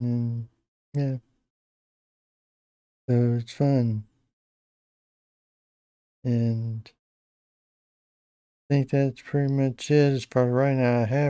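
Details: Adult man with Parkinson's disease for a little over 10 years, treated with deep brain stimulation since 2017, reporting his voice has declined and become less clear; hypokinetic dysarthria (Parkinson's disease speech).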